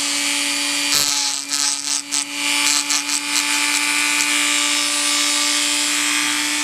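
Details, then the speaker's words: Dental handpiece with high-pitched steady whine and gritty grinding bursts, trimming an acrylic Gelb/ALF oral appliance to equalize bite contact, left side hitting harder than right, for a 29-year-old man with forty tics at a TMJ clinic. "here you can see we're starting to get some contact on the right side but the left side is still hitting harder so we'll equalize both"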